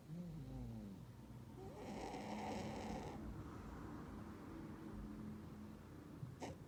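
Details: Sleeping Burmese cat snoring: low, rough fluttering breath noises with a louder hissing stretch; a Russian Blue cat is nearby.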